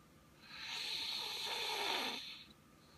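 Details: Light snoring during sleep: a single long, hissy, airy breath lasting about two seconds over a quiet background.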